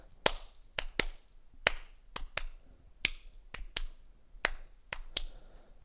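Hand claps in repeating triplets, a clap then a quick pair, in a galloping 'Ken-tuc-ky' rhythm: a clapped imitation of an S3 ventricular gallop.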